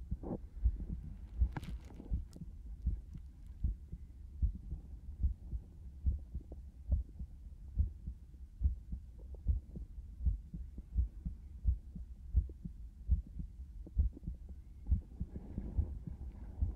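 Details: Binaural ASMR stethoscope recording of a steady, regular heartbeat, about 75 beats a minute, with soft low thuds.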